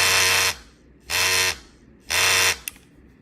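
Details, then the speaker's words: EDAN FS-1 fetal acoustic stimulator demonstrated in 3-second mode (vibration 30–80 Hz): three loud, harsh buzzing bursts, each about half a second long; fetal acoustic stimulator buzz. "ถ้าเลื่อนมาที่3ก็คือจะสั่น3วินาทีแล้วหยุดนะคะอันนี้นะคะ3วินาที"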